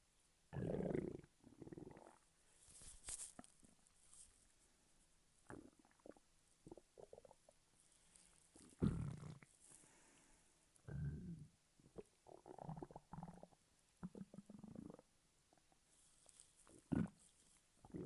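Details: Stomach growling recorded over 3 minutes 5 seconds: irregular low gurgles and rumbles with quiet gaps between; ordinary stomach growling (borborygmi), a normal digestive sound.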